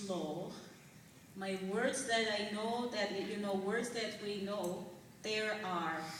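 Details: Adult woman whose speech changed suddenly in November 2004 after a night episode resembling a heart attack or stroke, followed by six months of speech therapy and very slow speech; foreign accent syndrome.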